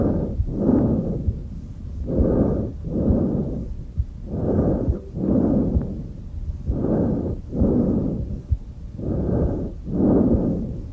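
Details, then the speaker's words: Normal tracheal breath sounds in a teaching demonstration: loud, harsh, hollow breathing with inspiration and expiration of similar length and a pause between. "the last one normal breath sound is tracheal breath sounds this is how it's"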